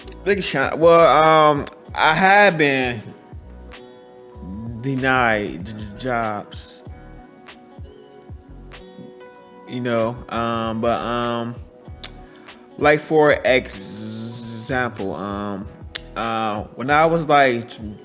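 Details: Adult man who stutters, speaking English in an interview, with hesitations, fillers and pauses; stuttering.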